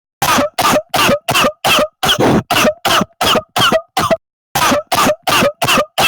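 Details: Rapid run of about fifteen short, sharp, evenly spaced coughs, roughly three per second, with one brief pause partway; cough.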